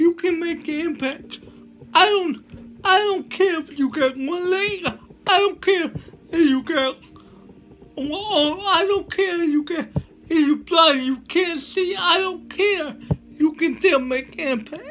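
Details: Dysarthria from cerebral palsy in a male motivational speaker.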